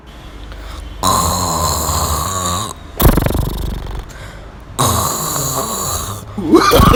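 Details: Sister snoring heavily in sleep: loud, rough, rumbling snores on each breath with a snort-like burst between them.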